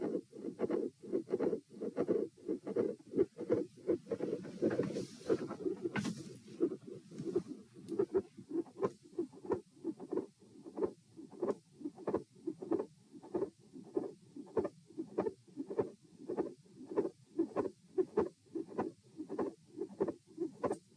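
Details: Auscultation stress test at chest position E, with recordings lying, sitting, standing, then lying again: steady heartbeat with crisp midsystolic click, midsystolic murmur and a split second heart sound.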